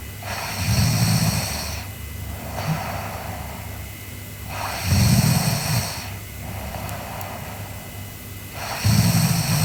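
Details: Sleeping girl snoring: slow, low rattling snores on each breath in, about 15 breaths a minute, with softer breaths out; steady sleep snoring.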